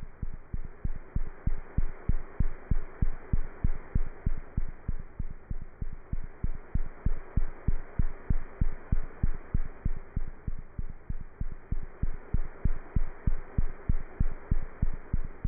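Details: Cat's heart heard through a stethoscope: rapid, very regular thumping heartbeat at about 190 beats a minute; cat heart sounds.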